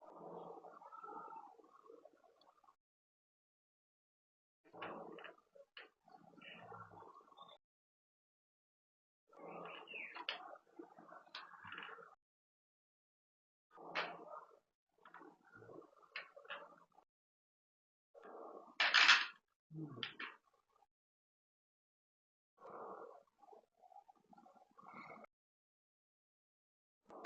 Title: BRUXISMO